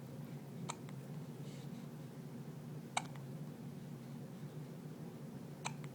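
Three sharp, brief hiccups about every two to three seconds over quiet room noise.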